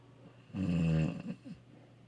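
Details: Wife snoring: a single loud, low, rattling snore on the in-breath, followed by a softer breath out; ordinary snoring.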